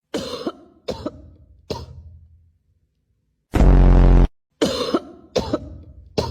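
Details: Six abrupt ordinary coughs in two groups of three, with a loud sustained tonal sound, apparently the cat's reaction, in the pause between them.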